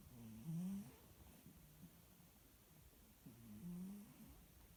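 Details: Sleeping female cat snoring: soft, low, buzzing snores on two breaths about four seconds apart, faint background hiss.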